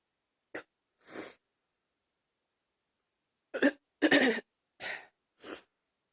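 Six short, harsh coughs in a quiet room: two early, then a pause, then a closer cluster of four. A repeated cough.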